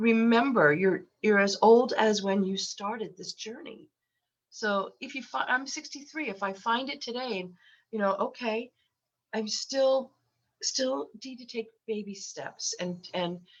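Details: Adult woman with lifelong stuttering, very repetitious, with eye closures, worse when unwell and since COVID, recorded while having a cold; stuttering.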